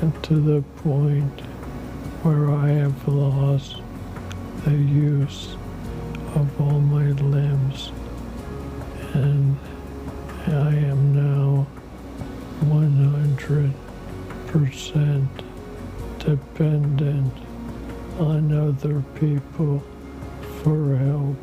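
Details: Adult man diagnosed with amyotrophic lateral sclerosis in 2019, about four years ago, which has taken much of his formerly booming voice; dysarthria (ALS).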